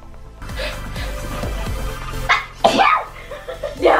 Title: *sneezes* DAMB ON THE HATTERS !!